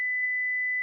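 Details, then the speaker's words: Brief steady high-pitched alert tone from a Philips HeartStart FRx AED in a training demonstration, after rhythm analysis as it announces shock advised, stay clear of patient. "stay clear of patient analyzing heart rhythm shock advised stay clear of patient"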